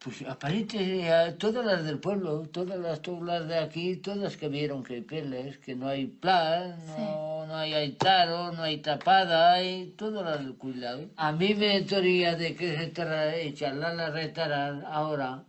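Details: Wernicke's aphasia after an ischemic stroke linked to an operation, in a man with impaired comprehension; fluent jargon speech with meaningless and invented words.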